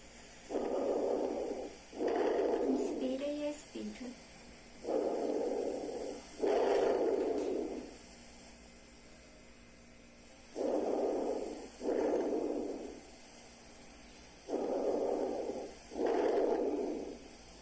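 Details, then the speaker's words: Lung auscultation with a stethoscope over the back, starting at the infraspinous region with side-to-side comparison: soft, even breath sounds at about 14 breaths per minute with clear inhale and exhale; normal breath sounds. "então o primeiro pode falar primeiro Ela escuta são os sons normais"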